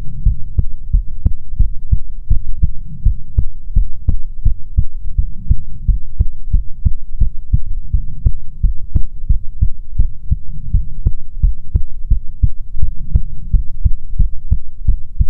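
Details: ASMR heartbeat recording: continuous loud, thumping lub-dub heartbeat at a moderate steady pace over a low hum; heartbeat.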